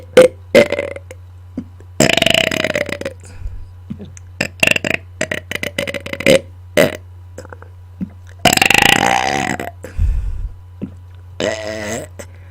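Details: Deliberate burping after dinner, recorded close to a microphone: repeated loud, drawn-out, rumbling belches with a steady low background hum; voluntary burping on command.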